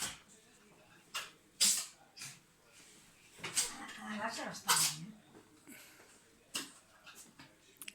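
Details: Cat sneezing: several short, sharp, hissing bursts from a small animal, fitting repeated sneezes, with a person talking in the background.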